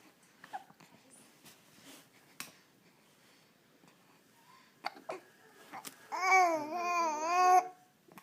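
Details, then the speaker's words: Infant with hiccups: quiet room with a few short, sharp catches at irregular intervals, followed by a fussy wailing cry; hiccups. "You have the hiccups? Do you got the hiccups?"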